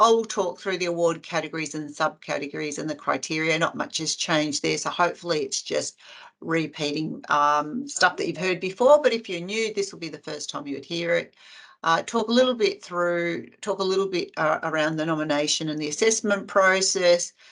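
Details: Adult speaker; normal voice.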